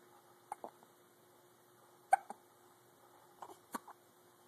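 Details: One-week-old with hiccups: brief sharp catches at irregular intervals, about five in four seconds, over a steady hum.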